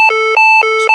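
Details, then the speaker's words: Synchronized cardioversion demonstration for adult tachyarrhythmia with a pulse: steady two-pitch alert tone alternating regularly as the defibrillator charges and is ready to shock. "and now it's time to charge and then administer the shock. So I'm going to hit charge."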